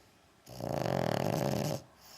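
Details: Sleeping dog that won't wake when called, snoring: one long, fluttering, rumbling snore on an in-breath in a quiet room.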